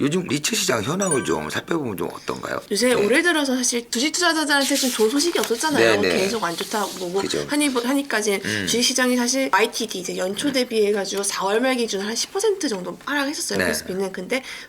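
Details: Two adults in conversation; Conversational speech.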